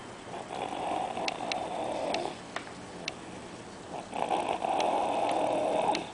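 Loud, rough, fluttering breath sounds, with a pause between two long noisy breaths: snoring.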